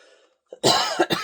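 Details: A dry cough.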